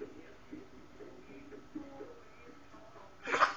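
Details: Baby girl: soft breathy sounds, then a single sudden small sneeze at the end; a normal infant sneeze.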